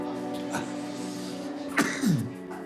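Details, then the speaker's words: Cough from an older man, a retired school teacher in the emergency department with no heart history and a terrible, worsening cough: one or two brief harsh bursts, partly masked by music, around lung auscultation. "retired school teacher doesn't have a history of heart problems, but he has a terrible cough that's getting worse."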